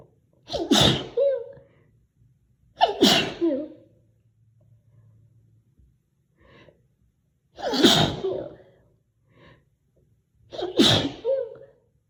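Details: Deliberately induced series of four loud, high-pitched sneezes, each with a sharp in-breath beforehand and soft sniffs between them; nose-blowing also recorded.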